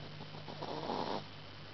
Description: Our Shi-Tzu/Lhasa Apso cross Chewy fell asleep and is snoring his head off!